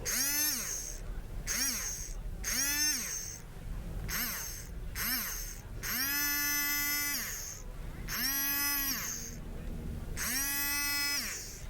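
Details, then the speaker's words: High-pitched dental drill whining in repeated bursts, rising and falling in pitch, during a simulated ASMR roleplay of filling a cavity after numbing; dental drill. "Don't be afraid. No one's ever died from a little drill. Yet. All right. Open up wide."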